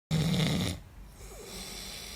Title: Papa snoring 💤